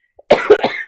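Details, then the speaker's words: Adult recovering from a recent illness with lost voice, still hoarse and using cough drops: a short burst of two or three harsh coughs after a faint click; cough. "I'm still a little hoarse. You can hear it in my voice, and I'm going to be sucking on cough drops, so I apologize for that."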